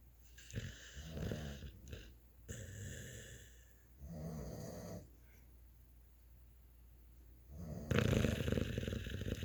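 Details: Beabull dogs asleep, rumbling, snorting snores in several uneven bursts: snoring.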